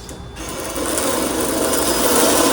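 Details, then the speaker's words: Reverse shoulder arthroplasty demonstration on a sawbones model: a powered reamer placed over a guide pin reams the bone, with a steady grinding motor whine that rises as it cuts. "And that reams out the bone."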